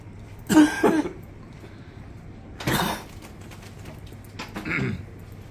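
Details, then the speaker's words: An anesthesiologist gives himself a transtracheal local anesthetic block while demonstrating awake self-intubation with flexible bronchoscopy, then coughs in three or four harsh bursts, an expected reflex that spreads the local anesthetic: cough after transtracheal block. "coughing's good helps to spread it up and get the bottom of the cords all right now so that uh was a trans tracheal block um people are gonna cough when you do that that's good that helps to aerosolize the local"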